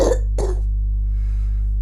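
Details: Two deliberate coughs over a steady low hum from a woman during a physiotherapy demonstration of breathing exercises, postural drainage and chest percussion for clearing lungs; voluntary cough to clear secretions.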